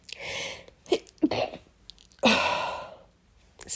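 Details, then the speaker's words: A few short inhaled catches, then a loud explosive sneeze and a softer sound at the end, from a person who says they get sniffly and sneezy when it rains, after rain all night. "sniffly Sneezy [Music] as you can see"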